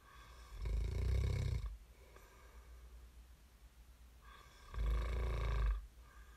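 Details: Snoring recording made as sleep ASMR: two loud, rough, rattling inspiratory snores about four seconds apart, with quiet breathing out between them.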